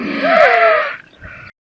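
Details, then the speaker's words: Loud, harsh, high-pitched crowing sound only on inspiration, with a quieter breath out: inspiratory stridor from upper airway obstruction. "This is called as strider. Strider means a rattling or a harsh turbulent sound which is produced by an obstructed airway."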